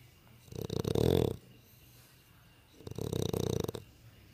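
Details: Sleeping animal that snores a lot: two loud, rattling snores on slow breaths separated by quiet pauses; snoring.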